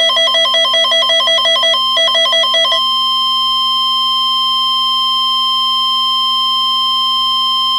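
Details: Simulated sound effect: rapid chiming heart-monitor beeps of ventricular fibrillation break off into one steady unbroken flat-line tone, the asystole alarm.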